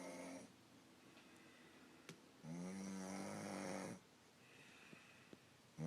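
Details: Person recorded asleep by their girlfriend, snoring said to have worsened: a long, low, buzzing snore on the in-breath, a shorter one at the start, quiet breathing between; snoring.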